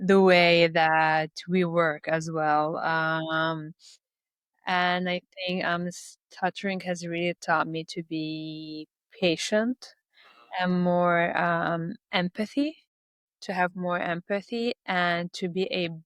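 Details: Adult Lebanese woman who stutters and speaks three languages; stuttering.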